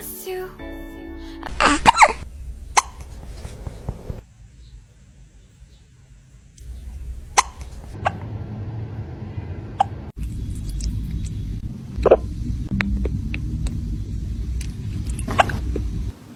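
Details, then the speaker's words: Several small, sharp hiccups from a kitten in a quiet room with background music. "oh hello have you got hiccups do you have the hiccups oh baby be"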